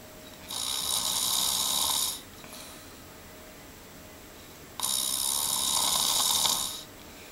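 Two long, harsh, hissing snores about two seconds each, separated by a quiet pause; ordinary snoring.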